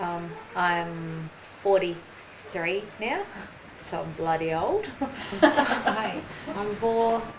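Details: Aphasia in a 43-year-old woman after a ruptured aneurysm and stroke about 4.5 years earlier, with loss of use of half her body; affects speech, reading, writing and spelling, slower talking; aphasia.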